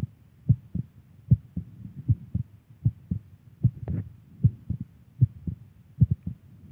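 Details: Steady paired lub-dub thumps at about 77 beats a minute with a faint low rumble behind; a regular heartbeat of an adult woman.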